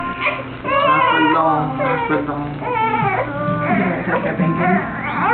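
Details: Sustained, tonal crying in rising and falling wails from an infant girl during a chiropractic adjustment, with an adult voice faint in the background; she was born by C-section after about 24 hours of Pitocin.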